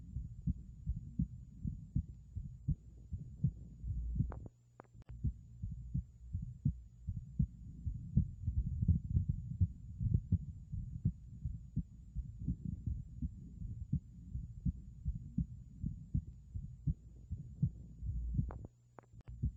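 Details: Bicuspid aortic valve heart sounds heard through a stethoscope: low, muffled heartbeats at about 82 per minute.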